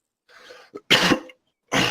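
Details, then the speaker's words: Person whose every cough recently started setting off a hiccup: a short breathy sound and a small catch, then a loud, harsh cough burst and a second cough onset; cough followed by hiccup. "Every time I cough, I hiccup. It's a disease, dude."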